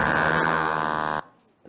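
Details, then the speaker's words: Needle EMG recording with fast, dense buzzing that cuts off abruptly, showing positive sharp wave waveforms from individual muscle fibres: myotonic discharge. "You know this is myotonic discharge for sure. Look at the composition of waveform."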